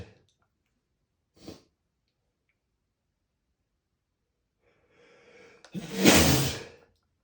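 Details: An adult male's unstifled spray sneeze: a faint intake of breath, then a loud, wet, explosive sneeze burst near the end.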